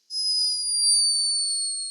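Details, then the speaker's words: Sleeping hummingbird recorded by a scientist in Peru: a thin, high-pitched, whistle-like tone held steady for nearly two seconds, the bird's snore. "this escaping from the tiny body of a sleeping hummingbird a high-pitched but unmistakable snore"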